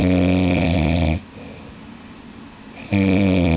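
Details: Loud, deep, rattling snores from a sleeping man on each breath in, separated by quieter pauses; heavy snoring.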